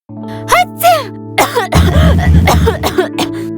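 Several short, acted adult cough bursts with voiced onsets over steady background music.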